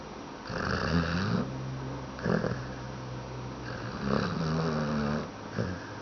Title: Chubs Snoring